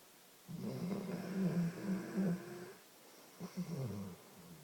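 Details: Sleeping animal snoring, described as not sleeping soundly: low, rumbling, fluttering breath noise on two successive breaths.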